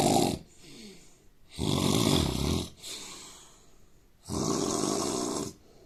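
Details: Indian man snoring: loud, harsh snores on each breath, roughly every three seconds, with softer hissing breaths between them.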